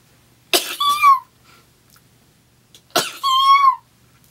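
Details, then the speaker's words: Two sneezes from a woman, each a sharp burst of air followed by a high, squeaky, cat-like vocal squeal. Others say her sneezes sound like a cat. "i had to sneeze there's nothing i'm an epic fail at sneezing like a normal person you sound like a cat"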